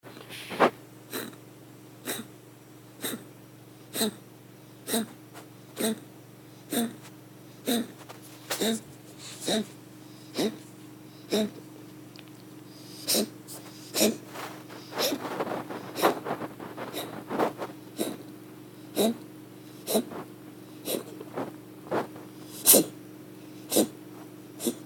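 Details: Pet wheezing: rapid, regular, noisy breath sounds about once a second.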